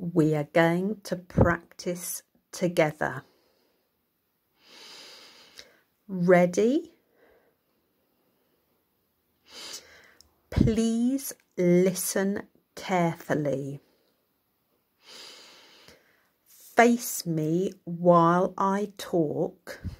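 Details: Self-reported dysarthria that makes talking difficult and requires slow speech for clarity; hearing and understanding unaffected.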